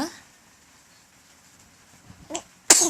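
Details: One-month-old infant sneezing: a brief soft sound, then one sudden sharp sneeze.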